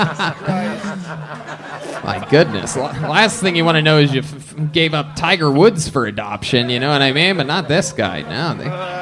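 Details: Adult male speaker; no disorder.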